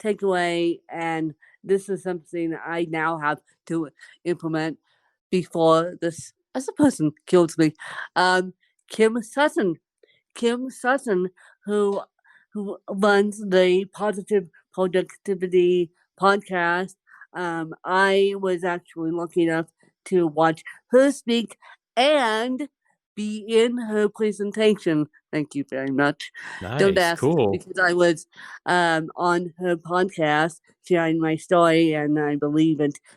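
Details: Adult woman who has lived over 30 years with cerebral palsy, speaking in an interview; dysarthria (cerebral palsy).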